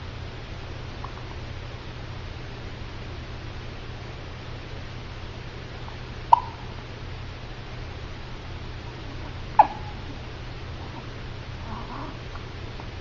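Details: More hiccups: two isolated, short, sharp hiccups about three seconds apart against a steady low room hum.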